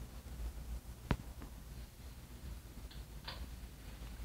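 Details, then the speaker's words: Simulated lung crackles from a microfluidic airway model, in which liquid plugs move through the airways to recreate the crackle sounds of sick lungs; crackles (simulated). "so how do these crackles sounds occur in our lungs it happens in the in"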